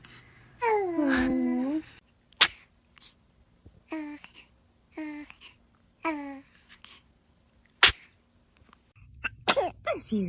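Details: Infant sneezing: two sharp, abrupt sneezes from a baby, mixed with soft baby vocal sounds and fussing, as a caregiver says "bless you."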